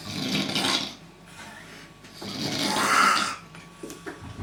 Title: snoring talent